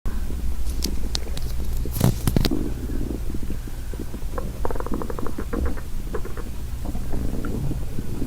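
Low gurgling rumbles with bubbling pops over steady low noise; audible stomach growling, a normal bowel sound.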